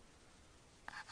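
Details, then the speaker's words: Sleeping child with obstructive sleep apnea: he holds his breath with near-silence, then a small throat click as he tries to pull in air, then a noisy, gasping breath when airflow resumes. "now he's holding it that was holding it he's still holding it he's trying to click in air"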